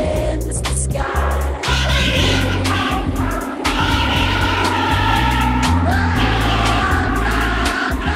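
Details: Simulation by a person with one functional ear of how music sounds through their cochlear implant two years after activation: a full song, coarse and blurred, with blocky, stepped low tones and muddy instruments.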